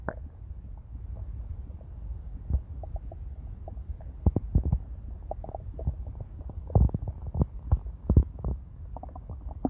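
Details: Low gurgling rumbles and bubbling pops from a female's belly after an 18-hour fast; ordinary stomach growling (borborygmi) on an empty stomach.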